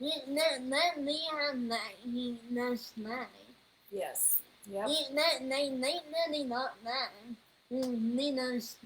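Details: Speech disorder in a 21-year-old woman, found on neuropsychological evaluation alongside level 2 autism, anxiety and a needle phobia.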